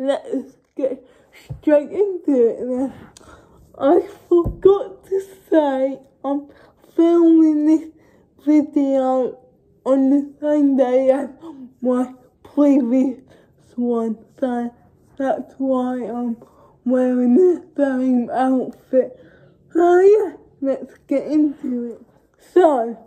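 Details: Young woman with cerebral palsy talking informally to camera, no speech disorder named: speech with cerebral palsy (possible dysarthria).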